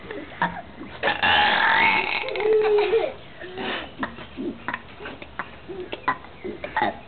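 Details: Long, low, croaking frog-like burp, followed by several shorter burps and some quieter sounds; burping.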